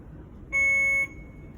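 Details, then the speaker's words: A single steady high-pitched electronic beep about half a second long from an infusion pump with a PCA module being set up; the pump beeps if not locked; infusion pump alert. "sure you lock it or it will beep at you"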